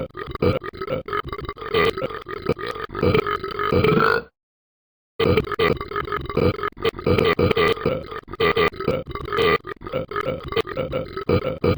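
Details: Person burping: a long run of rapid, rumbling burps, broken by one brief pause before continuing.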